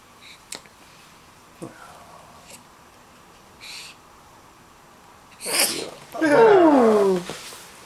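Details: Baby girl with hiccups, her whole body jumping: several small hiccup-like catches, then a sneeze followed by a brief wavering cry-like sound.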